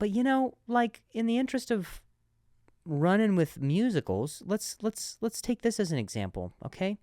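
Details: Stuttering in an adult male comedian hosting a stuttering-themed podcast, with repetitions and restarts.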